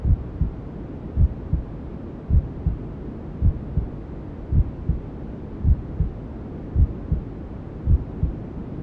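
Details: Maternal heartbeat sound with white noise and other womb sounds, for settling a newborn to sleep: soft paired thumps roughly 54 a minute under steady rushing noise.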